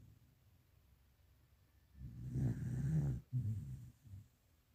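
Low rumbling snore on one breath, then shorter low snorts, over quiet room noise.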